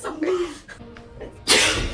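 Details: Prank: an imitated fake sneeze, a brief voiced lead-in then a sudden loud hissing burst, with music and talk in the background; the client reacts that something was sprayed on their head and face.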